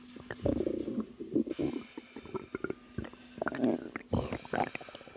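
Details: Woman about 3 months pregnant, relaxing, with natural stomach growling: irregular gurgling, bubbling rumbles with short pops and clicks against a quiet background, ordinary active bowel sounds (borborygmi).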